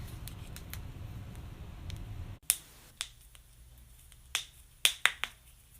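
A series of sharp, dry pops and clicks from joints cracking, a common harmless sound.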